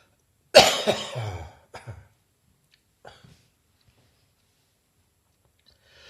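A forceful cough with a rattling, phlegmy tail, then softer coughs and throat clearing: a wet, productive cough.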